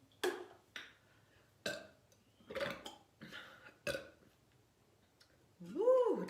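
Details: A girl burping after drinking two 12oz cans of soda: a run of loud, abrupt belches, about six in six seconds, some drawn out, then a short vocal sound.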